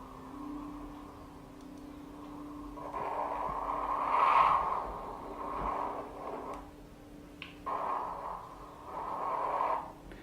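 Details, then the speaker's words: Doppler ultrasound of a deep vein in a live demonstration: soft whooshing swelling and fading in slow waves over a steady hum; normal phasic venous flow varying with breathing, unlike pulsatile arterial flow. "Entonces, por ejemplo, ese es un flujo venoso en una vena profunda que es completamente normal."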